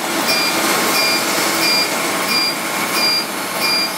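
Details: Regular high-pitched beeps, about 90 a minute, over steady hum and room noise: a laser hair removal device firing pulses during a bikini-line treatment, with the skin tapped and the patient reporting pain around three to five.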